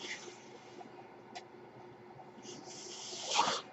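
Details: The podcaster's own mechanical ventilator: a faint steady hiss, then a rising airy whoosh near the end as it delivers a breath.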